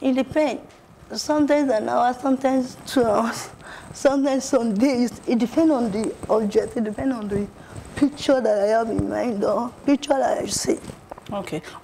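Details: Adult woman with cerebral palsy, an artist who paints with her leg rather than her hands; dysarthria in cerebral palsy.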